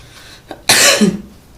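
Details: Coughing, from a compilation of funny coughs.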